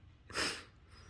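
A single short, forceful puff of air through the nose, like a small animal's sneeze or snort, in a quiet room.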